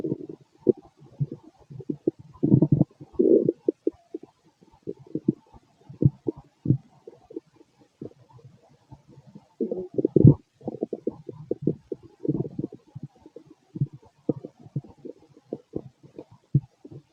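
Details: Late-night continuous low bubbling, croaking gurgles and growls in irregular bursts from an adult male's stomach, gassy after eating lots of food earlier; ordinary bowel sounds (borborygmi).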